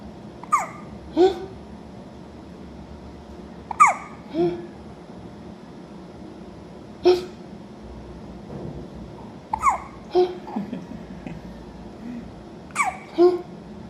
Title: Baby hiccups. #babyhiccups # baby #babysmile